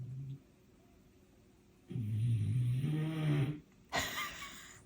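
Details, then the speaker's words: Male dog snoring across the room on a dog bed, audible while a woman talks on camera. "can you hear him snoring hold on let's"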